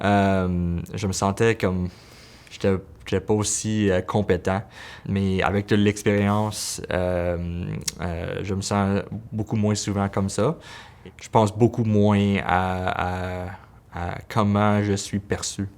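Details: Adult man, a pediatric physiotherapist who says he is a person who stutters, speaking French; a word repetition is heard; stuttering.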